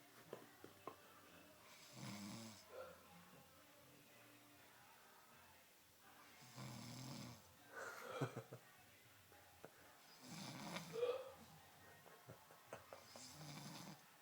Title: Nasty Snoring